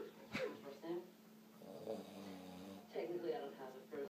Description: A battle of the log sawers.